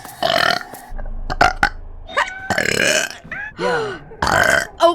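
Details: Female streamer belching, attributed to swallowed air: several loud, drawn-out voiced burps close to the microphone with brief voice sounds between; ordinary burping.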